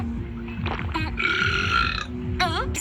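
Cartoon belch sound effects over background music, with a drawn-out burp in the middle and a shorter one at the end.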